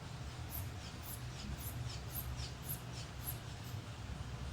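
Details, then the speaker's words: Rapid, regular, soft squeaky puffs, about eight bulb squeezes in four seconds, as a blood pressure cuff is pumped up while two fingers feel the radial pulse; palpatory method. "cuando ya tengamos el nervio radial ubicado comenzaremos a bombear sangre"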